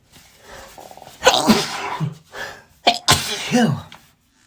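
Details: Several forceful sneezes in quick succession with snorting breaths between, from a person sneezing from dog allergy, with throat clearing; allergy sneezing.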